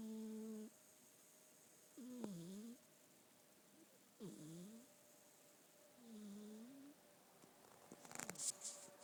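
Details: Sleeping rabbit: soft, squeaky, falling breaths repeating about every two seconds over quiet room noise; snoring.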